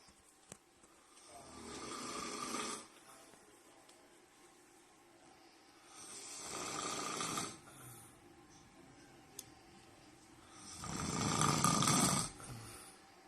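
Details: Boyfriend snoring loudly: three rough, rattling breaths in about 13 seconds, each lasting one to two seconds with quiet gaps between them.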